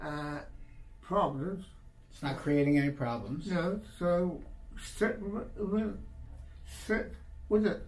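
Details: 84-year-old male retired surgeon, three months after a severe left-sided stroke with right-sided hemiplegia, on dopamine medication, with expressive and receptive aphasia that is still improving; aphasia.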